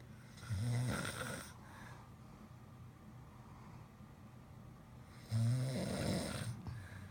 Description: I couldn't get to sleep because of the DUELING SNORING between my hubby and our German Shepherd!